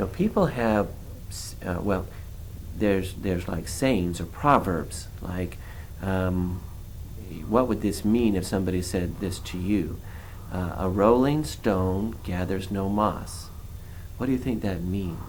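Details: Adult male examiner; Normal speech.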